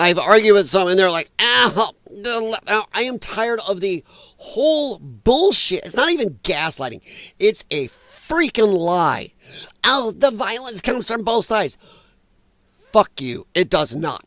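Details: Dysphonia in a man who attributes it to vocal cord damage from infections related to his lung problem and regards it as a disability.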